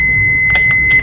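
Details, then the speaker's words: Steady high-pitched tone with clicks and bursts as a Philips HeartStart MRx defibrillator, set to 150 joules with a test load attached, charges and delivers a test shock during its operational check. "then verify this load is attached so this load is already there press charge button"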